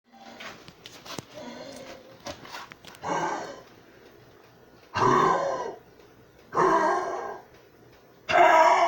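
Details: A 13-year-old pit bull dog coughing.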